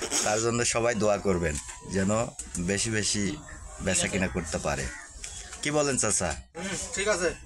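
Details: Adult male speaker; no disorder.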